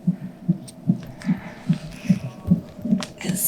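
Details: Fetal heartbeat on a CTG monitor at a check-up about 6 weeks before due date: rapid, regular whooshing thumps, about 146 a minute, a normal fetal heart rate; all reported fine.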